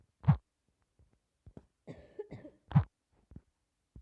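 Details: Female who says she has fallen slightly ill: two short, deep coughs a couple of seconds apart, with faint breathing and small sounds between them; an ordinary cough.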